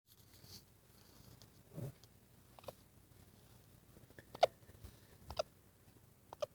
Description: not allowing the hiccups to ruin his playtime. 😊